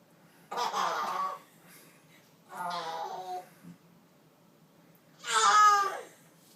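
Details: Mother burping: three drawn-out, rumbling voiced burps separated by pauses in a small quiet room.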